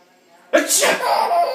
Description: My sweet nephew is laughing hard at sneezing :)) so cute!